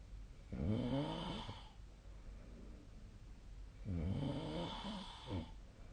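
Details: Adult snoring during sleep: two long, loud rattling snores on breathing in, with quiet breathing between.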